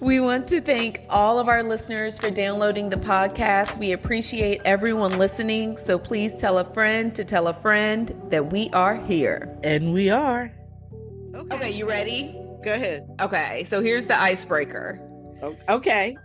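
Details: Adult woman speaking; no disorder.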